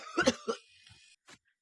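A short double cough followed by a brief faint sound, in a quiet room. Plain cough.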